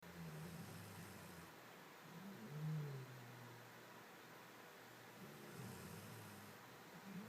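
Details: Snoring during sleep that has kept the listener from a good night's sleep for days: low, rumbling snores recurring about every two and a half seconds, three or four in all, over faint room noise.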